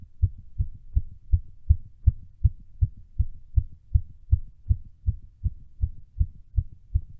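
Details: Heartbeat recorded during a workout, the fastest captured: fast, regular, low thumping at about 160 beats a minute; a rapid heart rate from exertion.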